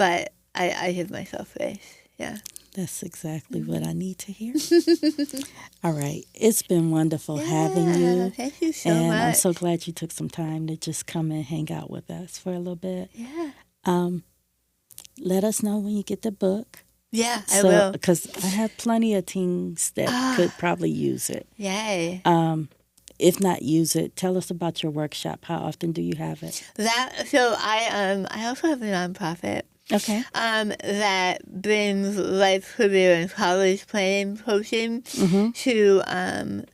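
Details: Adult woman with stage 4 tongue cancer; over half of tongue removed and reconstructed with arm-skin flap, followed by chemotherapy, radiation and speech therapy; altered articulation after partial glossectomy.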